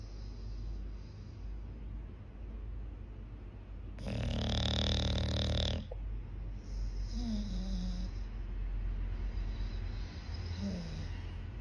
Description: Listen to the sound of this English bulldog snores like hooman.